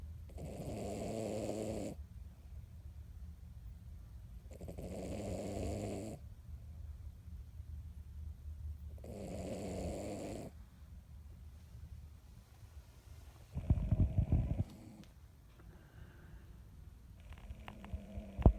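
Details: 16-year-old Miniature Dachshund napping after her weekly bath: three slow, deep, rumbling snores about 4 seconds apart, then a brief snort and quiet rustling.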